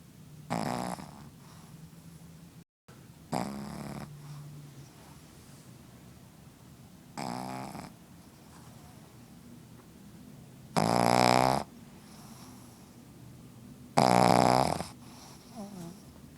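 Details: Pugzu (Pug–Shih Tzu cross) puppy snoring: short, loud snorting snores at irregular intervals, some rising to honking bursts.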